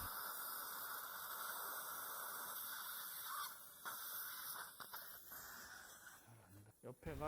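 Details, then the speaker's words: 63-year-old man, immediate implant in lower anterior extraction socket, guided surgery: implant drilling sequence to 3.5 and 4 by 10 mm final drill; steady high hiss with spray and irrigation, brief whine and suction. "Now it's 3.5 by 10 millimeter. .4 by 10 millimeters, so this is final drill."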